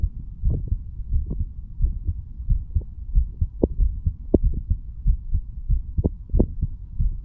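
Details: Self-recorded heart of a 35-year-old standing male, stethoscope moved over the mitral, tricuspid, pulmonary and aortic valve areas, then the right ventricle area; steady lub-dub about 90/min with stethoscope rubbing noise; normal heart sounds.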